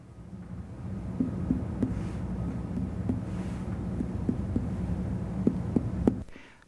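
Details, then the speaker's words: Series of short, sharp finger taps over a low room rumble: light percussion across the abdomen of a healthy patient during abdominal examination, assessing distribution of tympany and dullness. "lightly percuss the abdomen to assess the distribution of tempany and"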